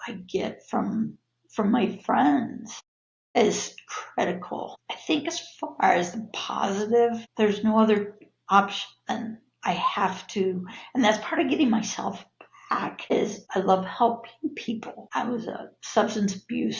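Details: Adult woman with spasmodic dysphonia (laryngeal dystonia), a neurological disorder of no known cause, with abductor and adductor features; voice worsens with stress; spasmodic dysphonia.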